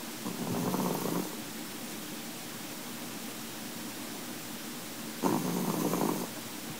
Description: After a hard day of being a chihuahua and a full belly, the snores come easy....